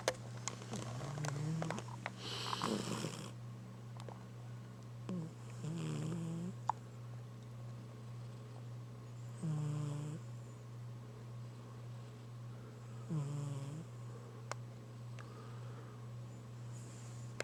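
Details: Sleeping cat snoring: soft rattling snores at a slow, irregular pace over a steady room hum.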